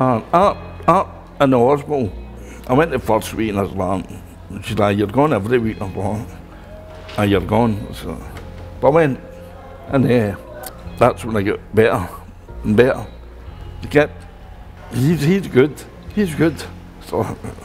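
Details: Adult man speaking; aphasia after stroke.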